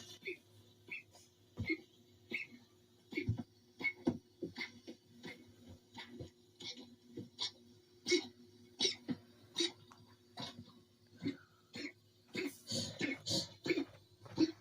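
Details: Dog coughing: a run of short, harsh cough bursts over a steady background hum.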